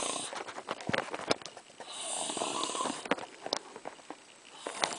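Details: Snoring: rough, rattling breathing noises with snorting bursts.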